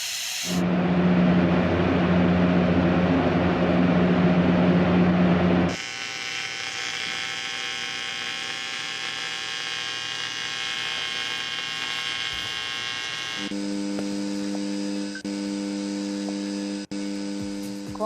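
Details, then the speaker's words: Simulated tinnitus: steady electronic buzzing and hissing tones that patients perceive, which bother them most in the silence of the night when trying to fall asleep. "te invito antes de desarrollar el tema escuchar cómo pueden ser algunos de los sonidos con los que viene el paciente y que le molesta sobre todo cuando hay silencio de la noche y quiere conciliar el sueño"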